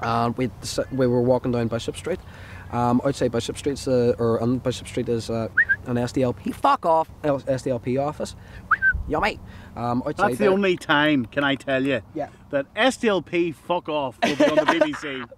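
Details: Vocal tics with coprolalia in a young man, with involuntary shouting, swearing and movements that began suddenly after a suicide attempt in a psychiatric hospital, along with a new stammer and word blocks; not officially diagnosed, he believes he has Tourette syndrome.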